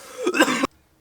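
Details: Blooper from filming: a single short, rough adult cough of about half a second with a throat-clearing edge, then quiet.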